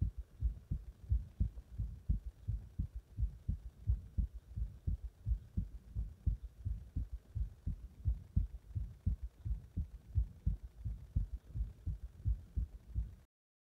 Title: 心臓マッサージと圧迫で、心臓が破れそうな心臓音